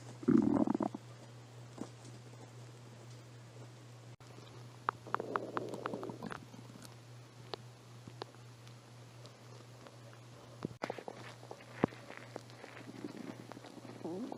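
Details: Stomach growling: borborygmi.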